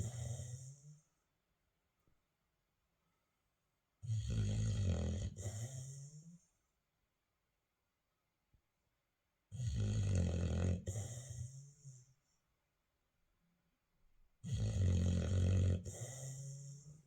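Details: Puppy snoring while asleep in his cage: rattling, rumbling snores every five to six seconds, roughly 11 breaths a minute, with silence between.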